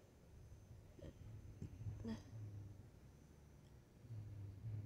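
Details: Three short, sharp, loud hiccups about half a second apart over low engine rumble, recorded in a parked car outside a restaurant during an ongoing bout of hiccups.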